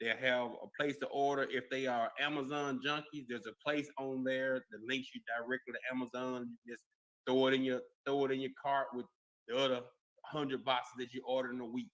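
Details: Adult male speaker; Normal speech.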